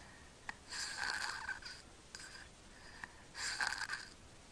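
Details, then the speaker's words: Sleeping young boy with obstructive sleep apnea: snoring with breath-holding pauses, then a deep gasp; between pauses he gets little air into his lungs, and jerking movements disrupt his sleep. "he's going to take a deep gasp in a few seconds there he [Laughter] goes and again he's going to hold it now there goes a deep breath again that was a clear breath and now again he's going to start holding"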